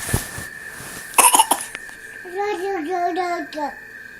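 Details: Young child fake coughing on purpose: three quick, deliberate voluntary cough bursts, then a short high-pitched vocal sound.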